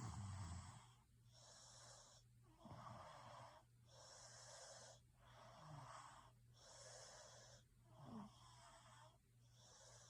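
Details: Rhythmic, noisy sleep breathing with rough snoring on each breath, repeating in steady cycles over a constant low background hum; snoring during sleep.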